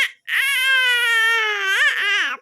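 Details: Baby's cry while being called by mother: one long, high-pitched wail, steady then wavering at the end, an ordinary infant cry.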